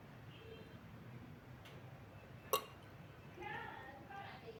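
A single short, sharp hiccup against low room noise and faint background talk.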